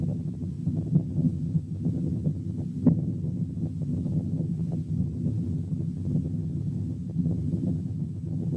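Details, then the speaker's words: Venous hum, heard only over the neck and abolished by one-finger pressure at the root of the neck: continuous low roaring hum without gaps, a harmless continuous murmur. "سبب تاني للcontinuous murmurs هو الفينوس هام اللي بتتسمع على الرقبة."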